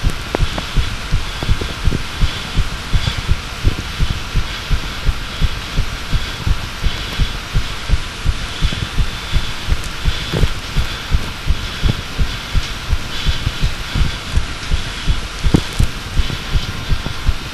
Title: Second heartbeat recording